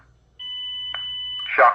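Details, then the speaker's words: Test run of a Zoll AED Plus with adult pads: steady high electronic tone with voice prompts to not touch the patient while it analyzes and counts down, a brief click, then a burst of noise as it delivers the shock automatically. "don't touch patient analyzing analyzing cannot stress the sh will be delivered in three two"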